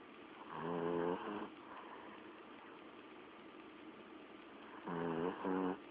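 Buzzy, vibrating snores come in bursts, with a long quiet gap between them and steady background hiss: snoring in a sleeping dog.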